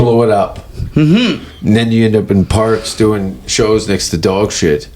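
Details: Adult man speaking; no speech disorder.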